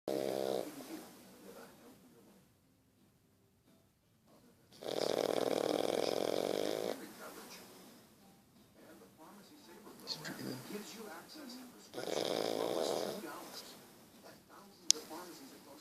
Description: Sleeping snoring pug. Funny